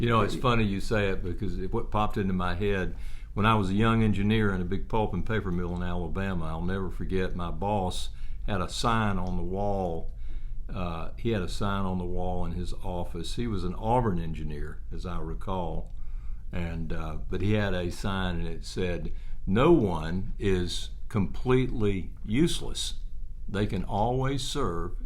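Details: Adult man; ordinary conversational speech.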